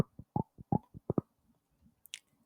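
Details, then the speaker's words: Jaw joint clicking in a woman with a 2-day migraine, whom a doctor is referring to a neurologist over the jaw noise, with possible Botox to the joints: a quick run of dull pops and thumps, then one sharper click. "I went to the doctor on Friday, and she wants to send me to a neurologist. Ooh, because of the noise that my jaw"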